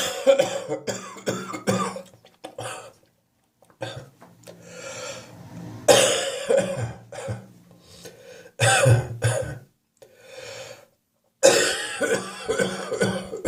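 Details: Wet, wheezy, chesty productive cough during a spring cold, chest wheezy in the morning; repeated harsh coughs in bursts with throat clearing and breathy intakes between them.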